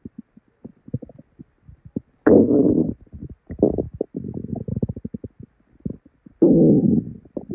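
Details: Woman's belly after drinking probably expired milk, with very bad diarrhea: loud, gurgling, rumbling bowel sounds in bursts and trickles with several long growls; overactive borborygmi.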